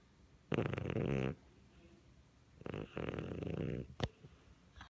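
Two soft, fluttering snores from a sleeping cat, each on an inward breath, with a quiet pause between.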